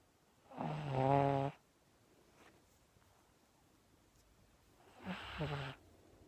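Two rough, buzzing snores about four seconds apart, with quiet breathing between, from a sleeping flat-faced puppy.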